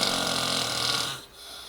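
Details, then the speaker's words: A dog snoring: one loud, rough, buzzing breath noise that fades out. "maybe one too many of those I'm not too sure wow I thought I snored"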